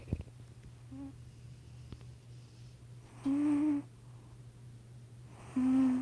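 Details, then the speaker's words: A sleeping cat, described as chunky, snores until it is woken up. "my cat is snoring can you hear him hold up"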